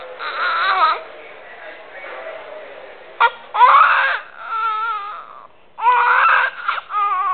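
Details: Newborn baby's first cry: short, high, wavering bursts separated by brief gasping pauses, a normal healthy cry.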